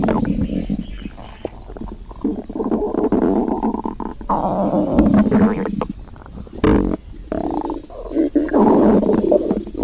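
Loud, continuous gurgling and groaning rumbles from the belly with bubbling pops; hunger growling, a normal bowel sound.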